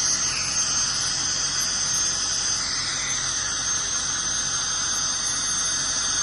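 Steady high-pitched whine with hiss and spray noise: an ultrasonic dental scaler running during a cleaning.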